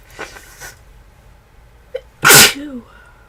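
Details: Person feeling unwell and getting worse, with a tickly nose, described as feverish: a brief intake of breath, then one loud explosive sneeze and a short voiced trailing sound; a single sneeze.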